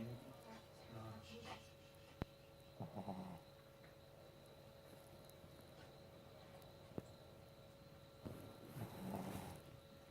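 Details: Sleeping dog snoring: irregular snuffling, rumbling breaths in a quiet room with a faint hum.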